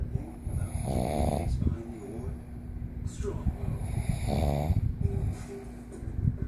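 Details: A father snoring: two rough, rattling snores, each drawn on an in-breath, with a quiet pause between them and low background noise.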